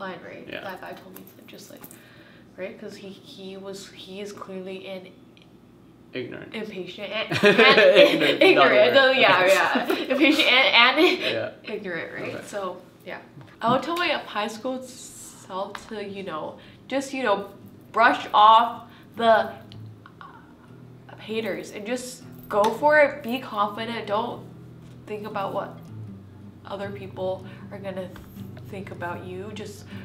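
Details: Adult woman who has stuttered since she began talking and still blocks on the same letters; stuttering.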